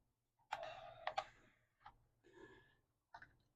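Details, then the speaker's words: LifeFlow PLUS handheld rapid blood and fluid infuser being primed with the handle pointed up and squeezed very quickly: sharp plastic clicks and short mechanical scrapes in a quiet room as fluid fills the syringe and distal tubing. "point the handle up and begin squeezing the handle very quickly you'll see fluid enter the syringe and the distal tubing"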